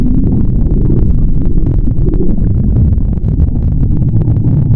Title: ralr deh stomach growl burp inflation